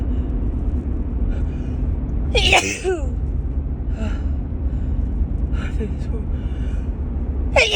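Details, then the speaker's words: Repeated allergy sneezing in a woman during a March morning car ride: one sharp sneeze, then fainter sneezes and breaths over steady road rumble. "Oh, I think I have to sneeze again. Oh my God. Oh God, my nose just won't stop tickling this morning."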